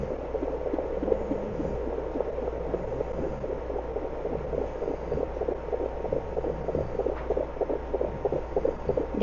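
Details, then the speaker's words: Rapid, steady whooshing pulses over a low hum, about 188 a minute: a puppy's fetal heartbeat picked up by Doppler through the belly of a pregnant solid black German Shepherd before labor. Rates of about 202–204 were read, described as healthy. "You hear it? Yeah? You hear how fast that heartbeat is?"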